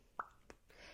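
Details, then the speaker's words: Adult woman diagnosed with Tourette syndrome at age 7: a single hollow mouth pop, then a softer click. This is a relatively new vocal tic that comes out occasionally and that she feels compelled to repeat if it isn't done right. "that see that how I'm talking about new ticks that's a relatively new one and it really only it comes out every once in a while and um if my if my mouth doesn't make the noise the correct way it's like my ticks get"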